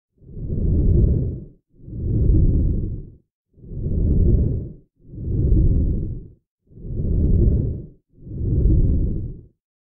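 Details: Simulated sound effect for a 3D lung physiology animation: slow, even, smooth, unlabored breaths in and out, about 20 a minute; normal breath sounds.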